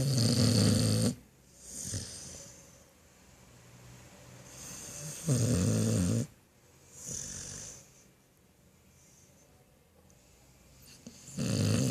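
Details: Sleeping dog snoring: loud, low, rumbling snores on the in-breath with softer whistling out-breaths between them, about 11 breaths a minute.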